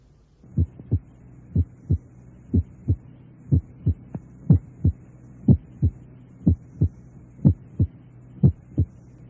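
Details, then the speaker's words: Simulated heartbeat around 60 a minute, starting from normal sounds. The first heart sound grows louder and higher-pitched, as when mitral stenosis develops: an accentuated first heart sound. "a medida que se desarrolla la estenosis mitral el primer ruido cardíaco se vuelve acentuado es más intenso y de tono más alto empezaré con los ruidos normales y aumentaré la intensidad del primer ruido"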